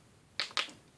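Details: Two sharp, brief pops a fraction of a second apart as a person cracks their own knuckles before self-performed neck cracking.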